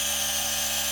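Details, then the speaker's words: Running G-Tech Compact DC1 compressor nebulizer/inhaler with a steady high-pitched motor hum and hiss, said to be quieter than other models and to put out a lot of mist. "Can you see the smoke there? Look, it doesn't make as much noise as other models. A lot of smoke comes out."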